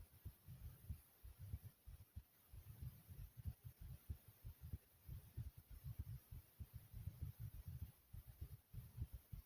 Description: in this video my heartbeat is smooth and soothing i hope you guys enjoy.